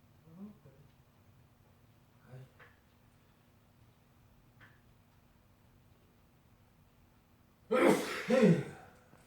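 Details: Adult man's sneeze that turns into laughter, attributed by his wife to eating too much: quiet room with faint soft sounds, then one loud, sharp two-part sneeze near the end.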